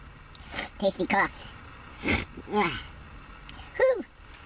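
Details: Several harsh coughs and throaty hacking sounds in short bursts after smoking marijuana, CBD mentioned; cough after smoking.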